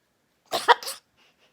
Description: Charley the macaw copying my wife’s cough.